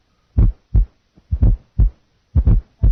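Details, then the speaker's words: Fourth heart sound (S4) on a simulated heart at about 60 beats per minute: plain S1-S2 pairs first, then a soft extra sound added just before S1. "listen now to our fourth heart sound initially only s1 and s2 will be heard then an s4 will be added"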